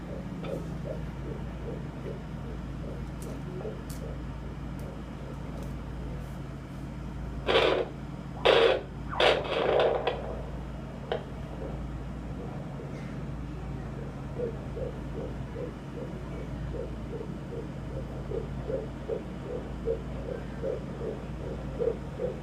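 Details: Fetal heartbeat by Doppler at 17 weeks 3 days of pregnancy: fast, soft, regular pulses about 140 a minute under steady hiss.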